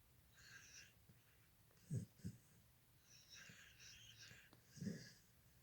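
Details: A sleeping pet snoring: soft, raspy breaths with a few low snorting snores in a quiet room.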